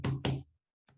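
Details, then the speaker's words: Two quick drummed knocks then a faint third tap, a vocal/drummed imitation of diastolic extra heart sounds (S3/S4 gallop) during filling phase, distinct from a murmur. "notice those extra sounds are not the same as a murmur they're called extra sounds now they occur during diastole during the filling phase okay"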